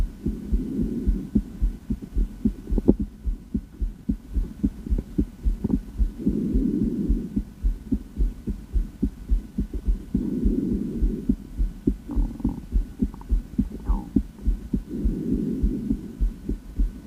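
Steady lub-dub heartbeat through a stethoscope, about 105 a minute, with intermittent breath-like rushing noise behind it.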